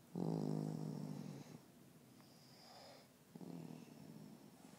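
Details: Two people snoring in a small quiet room: two low rattling snores, each about a second long, separated by a quieter breath out; snoring.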